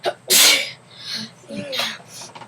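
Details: Boy with a bad cold, unwell, has a sneezing fit: a loud, sharp sneeze burst followed by softer breathy sneezes in quick succession, with voices in the room.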